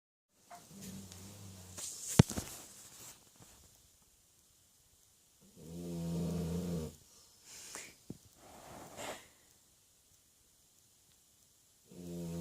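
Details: A sleeping Labrador dog snoring: irregular rumbling snores with soft snorts and breathy gaps between them.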